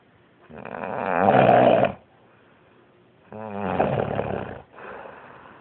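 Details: Very loud snoring: rattling snores, two long breaths in and a softer third, with quiet pauses between.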